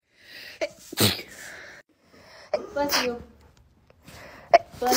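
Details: Sharp, explosive sneezes, each with a quick in-breath before it and one followed by a short vocal sound, in a quiet room; sneezing.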